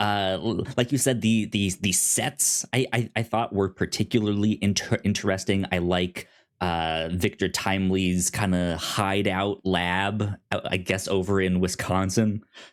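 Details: Self-reported stuttering in a male podcast host, with repeated words.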